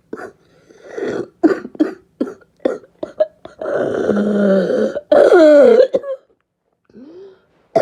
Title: Barking cough 3